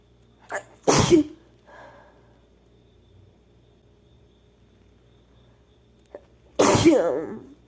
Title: sneezing (F)